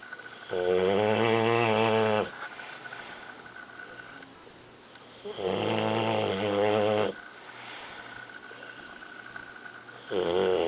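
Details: Lazy bulldog asleep gives loud, buzzing snores on the in-breath, about 12 breaths a minute, quieter breathing between; snoring.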